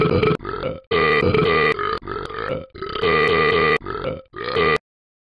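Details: About seven loud, deep belches in quick succession over five seconds; repeated burping, which the caption attributes to eating bacon.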